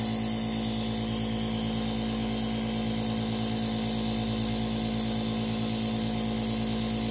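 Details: A nebulizer compressor runs during treatment for an asthma attack, giving a steady mechanical motor hum with a fast, even pulsing drone; no breathing or coughing is audible.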